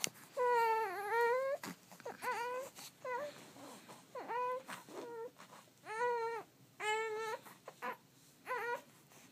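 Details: A 1-month-old infant crying during tummy time, with repeated wailing bursts that rise and fall in pitch and short pauses between; an ordinary fussy infant cry.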